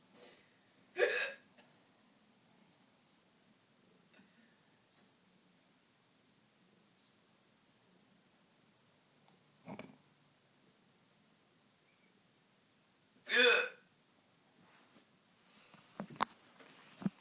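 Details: Hiccups in a quiet room: about four isolated, sharp hiccups over seventeen seconds at irregular gaps, with brief movement noise at the end; the person says they have always had hiccups like this.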